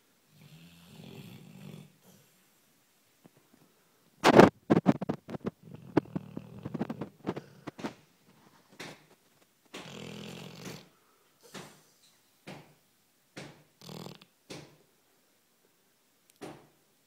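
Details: 12-month-old Labrador with serious snoring issues, mild session, asleep with tongue out: snuffling snores and short snorting breaths, with a burst of loud snorts partway through.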